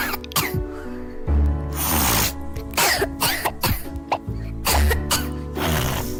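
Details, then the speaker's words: Child's repeated wet allergic cough over background music, arising without fever, weakness or shortness of breath, possibly with runny nose or tearing, caused by mucus dripping down the back of the throat. "это как правило влажный кашель который также возникает на фоне здоровья в том плане что нет температуры нет слабости нет одышки"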